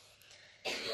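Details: A child coughs once, a short, loud burst after a quiet stretch of room noise; the household is unwell and tired.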